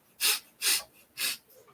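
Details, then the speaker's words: Imitated vocal tic demonstrating obsessive-compulsive disorder: three quick, sharp sniffs in rapid succession, constant repetitive sniffing (olfateando), described alongside repetitive throat clearing. "también llega a haber tics vocales que les digo uno es el carraspeo repetitivo también que es constantemente estar olfateando constantemente"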